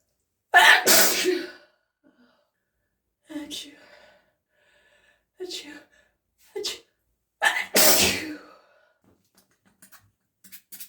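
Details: Person saying "achoo" during a build-up to real sneezes into a tissue; several sharp, separate achoo bursts, first and last loudest, sounding like spoken imitations rather than true sneezes.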